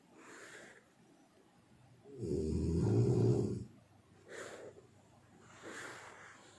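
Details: One loud, low rumbling snore on an in-breath, with softer breathing sounds before and after.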